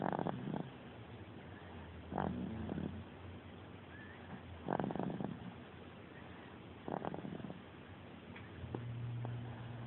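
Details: 4-month-old baby asleep: soft, rough noisy bursts with each breath, about 28 a minute, over steady room hum; infant snoring.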